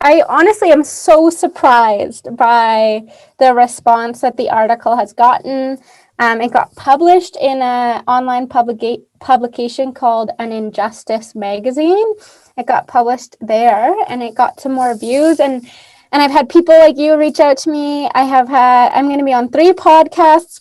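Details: Adult woman speaking; Ordinary speech.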